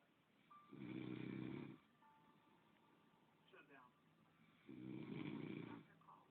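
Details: Man snoring while his partner comments: two deep, rumbling snores about four seconds apart, with faint breathing and low background noise between them.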